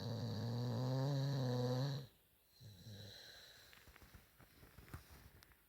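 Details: Staffordshire terrier dog asleep: a long, low, buzzing snore, then a softer snort and quiet breathing; snoring.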